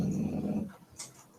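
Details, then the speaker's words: Loud snoring heard during a live webcast: a low, rough, rumbling breath lasting under a second, fading out, then a faint snuffle, in a small quiet room. "wow that was loud you guys can't hear them snoring seriously listen to that"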